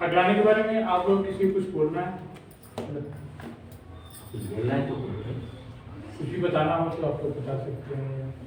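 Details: Male speaker who says he stutters when speaking in front of people: stuttering.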